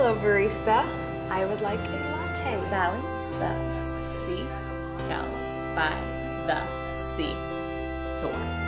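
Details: Adult actor in comedy trailer; lisp (acted).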